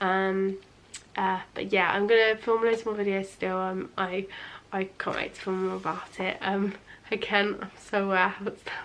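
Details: Young adult woman, nearly 20, with a lifelong stammer of about 20 years, worse under stress with long blocks; she says she is unusually fluent on camera; stuttering.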